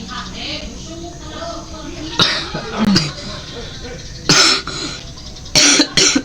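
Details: Productive cough during a traditional massage meant to relieve cough and bring up phlegm: several loud coughs and throat clearing over faint background music and talk as thick phlegm comes out.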